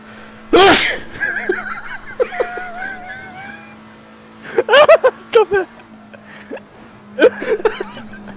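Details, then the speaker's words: One loud, explosive sneeze from a player during a live-streamed racing game, over steady engine noise and scattered game sounds; an ordinary sneeze. "behind zero I need a sneeze and I'm going through the double left oh I took danger think the thing"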